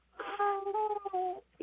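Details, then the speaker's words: A single drawn-out, high, tonal wail from a newborn boy, thin and muffled as heard over a 911 call; he still had his umbilical cord and was freezing cold and very weak. "And what absolutely just broke my heart in the background of this 911 call you can hear the baby crying and that broke me."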